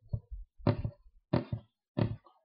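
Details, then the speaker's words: Teaching example of all heart sounds together, including S3 and S4 (S4 from atrial contraction): rapid cycles of three to four close thuds giving a galloping quadruple rhythm; gallop rhythm. "like galloping of your arsenal the horse gallop I deserve that for therefore it's also called as a trill gallop okay so this is due to the atrial contractions"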